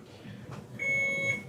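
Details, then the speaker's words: Occlusion test of an infusion pump on an IPA-3100 infusion pump analyzer: a steady high-pitched electronic alarm starts abruptly as line pressure peaks and the pump stops, then pressure falls. "We can see the pump stopped because the pressure is starting to decrease. It's showing me the peak pressure and how long it took to reach that peak. I'm going to stop the pump so it stops yelling at me."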